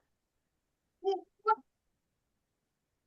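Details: Child of about 5.5 years with severe developmental language disorder: speech cannot be understood, no sentences, and urgent assessment and therapy are needed. Finding: severe developmental language disorder with unintelligible speech.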